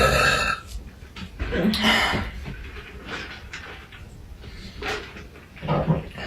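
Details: Young woman burping: several loud, throaty burps, some stretched out, with quieter sounds in between; repeated belching in a burping compilation.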